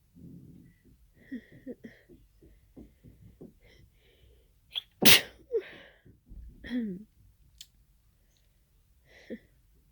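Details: Sudden sneezing fit of unknown cause after nasal irritation for about an hour, becoming congested toward the end; allergy medication was taken. Quiet sniffing and catching breaths build to one loud, explosive sneeze, then smaller sneezes and sniffs.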